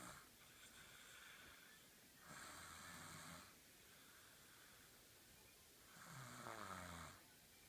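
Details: Snoring: slow, rough, rasping snores repeating about every four seconds, with quiet pauses between them.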